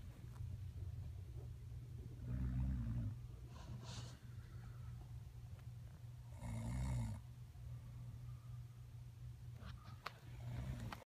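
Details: Girlfriend snoring: low, rumbling snores roughly every four seconds, about 15 breaths a minute, over steady background hum. Snoring.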